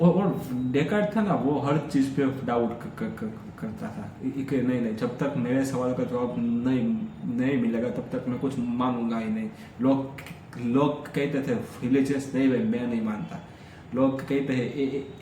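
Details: Stuttering in an adult man speaking Hindi during his daily stammering practice routine, with word repetitions.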